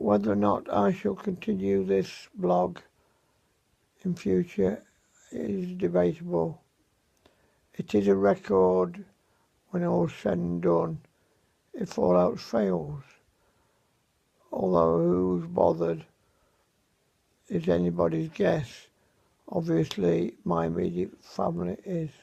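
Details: 77-year-old man with dysarthria after a severe stroke in May, about seven months earlier; voice severely affected, mobility very limited; unscripted home recording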